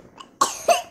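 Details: A child gives two short, wet-sounding coughs after laughing during a body-parts naming game; brief laughter-triggered cough.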